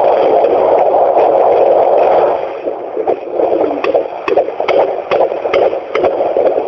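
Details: A fetal heartbeat at 18 weeks 3 days in a first pregnancy gives rapid rhythmic whooshing Doppler pulses at about 143 per minute over a steady hiss.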